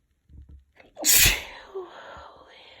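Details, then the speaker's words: Woman, sick with tickly nose and mild congestion, sneezing: short catching breaths, then one loud, wet, explosive sneeze fading into a breathy exhale; big wet sneeze. "Oh, I can feel it building, but wait. Oh. Oh, there we go. Oh my god, they're so big."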